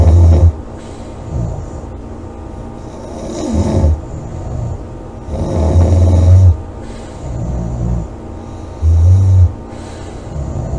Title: snoring, loud snoring,코골이 July 27 2017